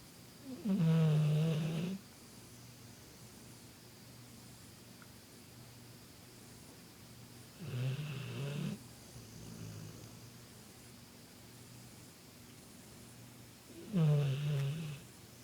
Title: Bullmastiff snoring